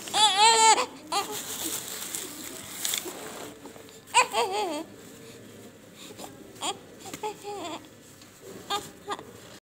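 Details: Short bursts of high-pitched crying broken by pauses and whimpers, with quiet room noise, from a newborn of healthy weight born by normal delivery; a healthy newborn's cry.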